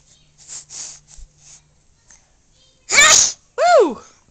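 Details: Two-month-old baby boy gives one huge sharp sneeze after soft breathy sounds, followed by a brief high squeal.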